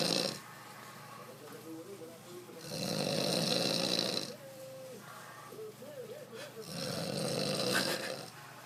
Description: The art of snoring.